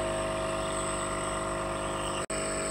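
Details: Steady hum and buzz of a nebulizer compressor with brief dropout, treating a child sick with flu.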